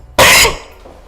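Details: A single loud, abrupt, harsh cough during a podcast conversation; cough.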